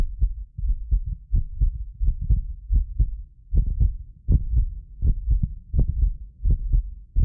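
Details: Heartbeat of a self-described medically fit person, recorded with several precision contact microphones for ASMR: regular low thumps at about 85 a minute, occasional doubled clicks from a ~6 ms delay between microphones; normal heart sounds.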